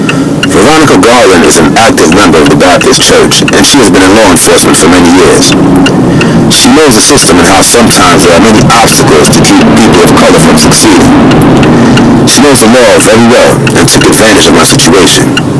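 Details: Adult male speaker; Normal fluent speech.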